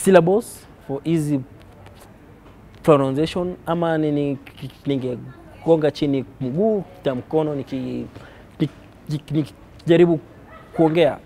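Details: Kenyan man who reports blockages and prolongations of words in every sentence he speaks; stuttering.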